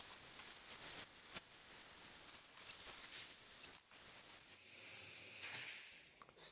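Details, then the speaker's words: Dental calculus removal, stage three: ultrasonic scaler cleaning from mandibular to maxillary teeth after plaque-disclosing dye; steady high hiss of water spray, faint instrument whine and suction noise throughout. "Stage three using the ultrasonic scaler the plaque is meticulously removed starting with the mandibular dentition and moving up to the maxillary dentition."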